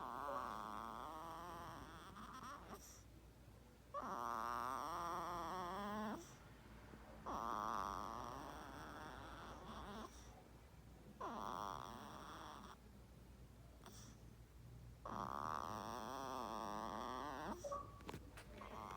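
Long, squeaky, fluttering noisy breaths with short pauses, a baby's snoring.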